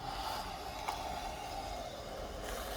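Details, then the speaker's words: The wearer has a BiPAP mask on with the tubing attached and the machine switched on: a steady rushing hum of airflow through the mask with a brief click. "मैंने इसे पहन लिया, tubing स्थापित करते समय जब हवा चलती है, अब देखते हैं।"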